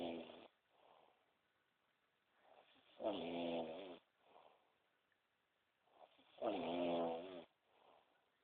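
Two buzzing, tonal snores on inhalation with softer breaths between, about 18 breaths a minute.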